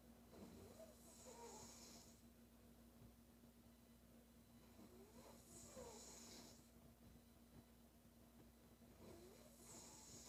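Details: Female soft rasping snores about every four seconds during sleep, some with a slight whistle, over a steady background hum.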